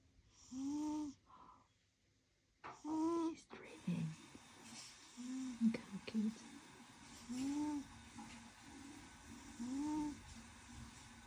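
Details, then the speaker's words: Snoring from a sleeping pet cat: short, squeaky, nasal snores, irregular in timing, in a quiet room. "How sweet my baby is sleeping. He's snoring."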